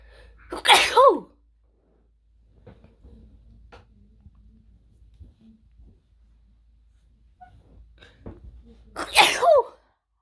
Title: Wide Nose Sneezes Africa.